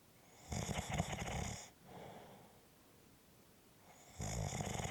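Loud rattling snores on the in-breath with quieter breathing between, about two snores in five seconds; ordinary snoring.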